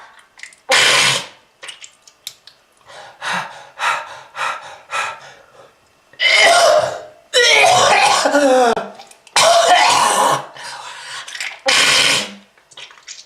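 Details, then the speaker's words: Smoker's cough described as lung disease, with red-coloured material noted: repeated harsh, wet coughing fits with throat clearing and gasping breaths between bursts. "if you want this to happen to you just keep smoking this is lung disease ah"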